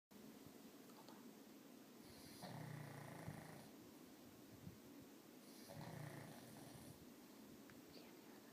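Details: Remo snoring during sleep: soft, low snores with each breath in, about two breaths, over steady room hiss.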